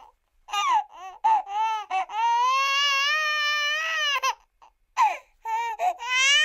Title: Baby Crying Told Something